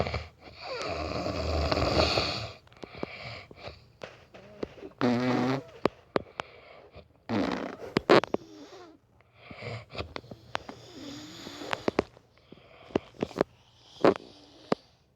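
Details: Man (boyfriend) snoring during sleep: loud, irregular rattling snores with snorts and gasping breaths, with scattered clicks and rustling; snoring.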